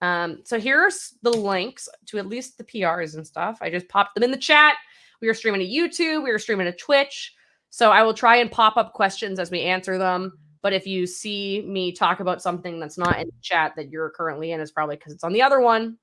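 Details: Adult speaker; ordinary speech.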